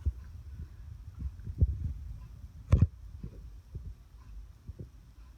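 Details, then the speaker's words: A big dog's heart, auscultated with a stethoscope's larger chestpiece by the elbow: soft, low beats with uneven spacing, slowing and speeding with breathing. Normal sinus arrhythmia with no murmurs. "in Ringo you can hear he has sinus arrhythmia which is not a real arrhythmia is his heart slows down and goes faster as he breathes which is a normal thing for big dogs his heart sounds pretty good there's no murmurs"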